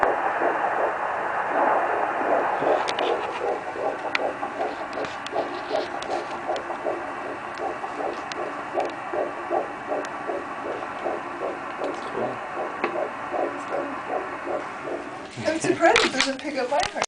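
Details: Fetal heartbeat on Doppler at 13 weeks' gestation, second doctor's visit: rapid, regular whooshing at 163 bpm, within the normal fetal range.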